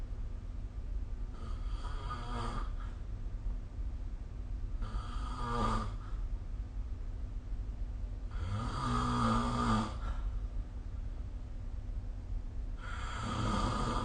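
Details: Snoring recorded with the SnoreLab phone app: four rattling snores, one with each in-breath, about every four seconds (about 15 breaths a minute), over steady room hum.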